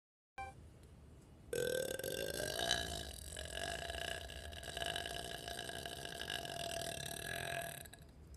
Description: Up late burping